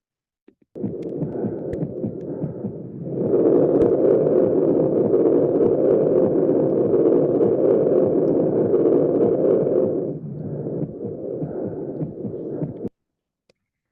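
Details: Loud, continuous rumbling machinery murmur with no gap between beats, swelling louder mid-clip, from a congenital heart disease teaching example: patent ductus arteriosus.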